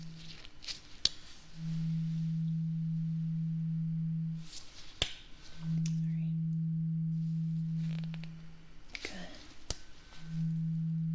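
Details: Tuning fork struck repeatedly in a role-played ASMR hearing test, listener reports when sound stops; steady pure hum fading out, light tapping between strikes.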